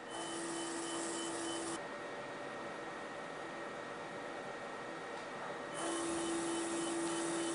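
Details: Fractional CO2 laser resurfacing of the face of a 67-year-old non-smoking woman with moderate photoaging, under anesthetic cream, 30 mJ, 300 points/cm²: steady hum and hiss with a tonal whine stopping and restarting between scan passes.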